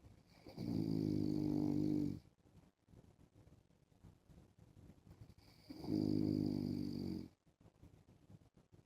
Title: MY DAUGHTER HAS A COLD SO MY HUSBAND SNORES WITH A MASK